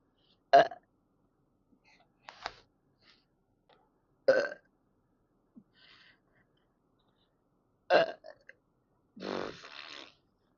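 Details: Adult repeatedly burping after drinking only coffee, no carbonated drinks: about four distinct belches at irregular intervals with softer ones between, over a quiet background; burping.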